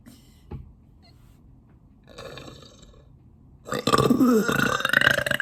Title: Releasing Long Loud Burps (Part 1)